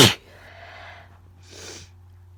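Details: One loud wet forceful sneeze, then a quieter breath or sniff; nose very tickly with wet, powerful itchy sneezes of unknown cause.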